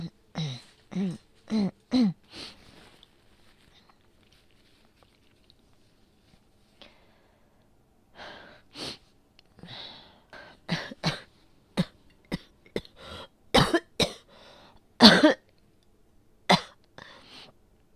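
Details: Person with asthma coughing: about twenty short, sharp coughs in two runs separated by a quiet pause, recorded in a small room.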